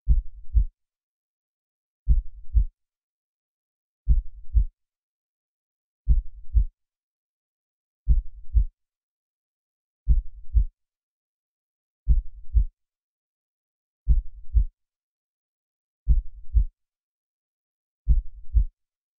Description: Balance your inner peace with the beating of a healthy and peaceful heart.